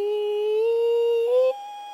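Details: Pitch break with sudden pitch doubling, often an octave, during a singing task. This corresponds to the vibratory segment of the vocal cord being cut in half.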